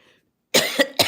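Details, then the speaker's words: Adult woman with sinus problems and a voice that comes and goes, speaking live: a short double cough and throat clearing after a brief silence; cough. "Excuse me. 167 quotes [cough and clears throat] that I coined sinus problems, y'all."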